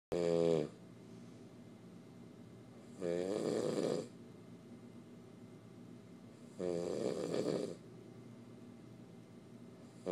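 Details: Male sleeping in the dark when tired: steady buzzing snores about every 3.5 seconds, near 17 breaths a minute, over a constant hum; snoring.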